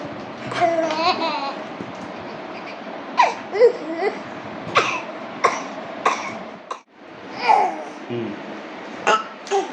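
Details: An infant laughing and babbling, broken by several short coughs; coughing set off by laughter.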